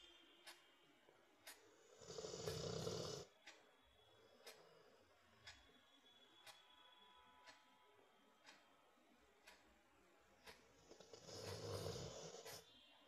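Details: Sleeping Rottweiler snoring as loud and clear as a human: two low, rough snoring breaths about ten seconds apart, with a steady ticking clock in the background.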